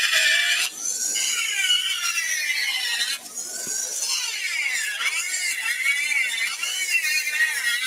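High-pitched whining drill with wavering pitch as it bites into bone, briefly stopping and restarting; bone drilling during ear dissection.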